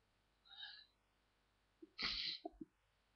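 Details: Morning sneezes, one of a few: a short sharp intake, then a hissing sneeze burst with a couple of small trailing sounds; an ordinary sneeze.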